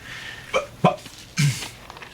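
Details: Three abrupt gulping, hiccup-like throat noises in a quiet room: acted vocal tics of Tourette syndrome in a dramatized young man.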